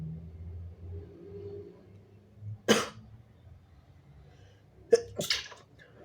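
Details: A person (he/they) with strong, wet, big, partly stifled messy sneezes, spraying onto the leg: quiet breathing, then three forceful wet sneezes.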